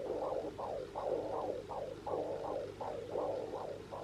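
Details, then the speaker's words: Simulated womb heartbeat from a baby sleep-aid toy sheep: steady muffled whooshing pulses at about 60 a minute. "you can hear this one's the heartbeat they do have quite a few um like melodies and sounds"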